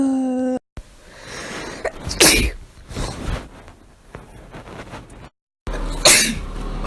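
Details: A person sneezing repeatedly: two sharp, explosive bursts of air through the nose and mouth, with background music at the start.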